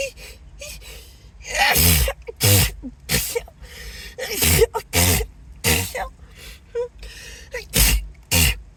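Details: Acted, announced sneezing fit; the speaker apologises, says the nose tickles and suspects an allergy: about seven loud sneezes, each with a sharp in-breath first, with gasps and soft voice between them, over music.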